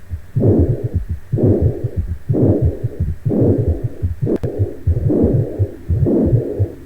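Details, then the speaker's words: Mitral regurgitation from valve insufficiency, with blood flowing back from ventricle to atrium as shown on echocardiogram: a regular heartbeat at about 60 a minute, with a rough whooshing systolic murmur right after the first heart sound. "Aquí sí se escucha el soplo. Cómo se ve un ecocardiograma, cómo la sangre se devuelve de lo que es el ventrículo a la aurícula, porque hay una insuficiencia de la válvula."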